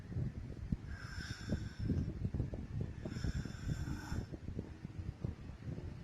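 Two long rough snores, each about a second, over low rumbling room noise; ordinary sleep snoring.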